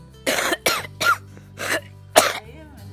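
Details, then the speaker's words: Wet cough in a child example: five loose, rattly coughs with a low musical hum beneath, indicating mucus or phlegm in the airways. "wet coughs mean you have mucus or flam in your Airways and sounds like"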